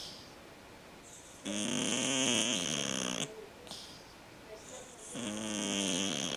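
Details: Cat snoring: two long, rough, fluttering snores on slow breaths, about 16 a minute, with quiet gaps between.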